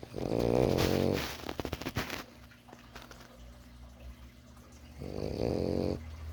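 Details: A sleeping French Bulldog puppy snores loudly, giving two rattling snores about five seconds apart with snorty clicks between.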